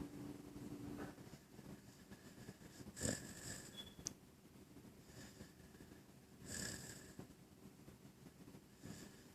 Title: Puppy snoring